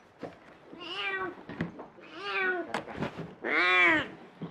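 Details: Elderly cat with dementia and cataracts, taken to hospital after a seizure judged epileptic from brain disease, stroke suspected: three long, loud, drawn-out meows; excessive vocalization in feline cognitive dysfunction.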